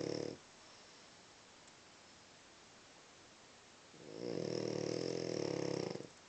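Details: A long, steady rattling snore on an inward breath after a quiet pause from a sleeping dog.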